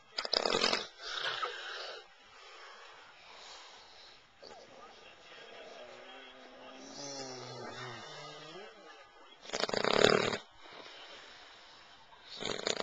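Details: Adult man (a dad) snoring: loud, rasping snore bursts with quieter breathing and a brief whistling, wavering tone between them.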